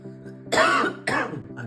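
An acted harsh cough followed by a throat clear, over steady background music.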